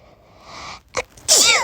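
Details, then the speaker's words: Acted sneeze in a sick-character roleplay with coughing, sore throat, headache and blocked nose: a short breathy intake, a brief catch, then a sharp hissing burst. "i can't i can't stop sneezing either"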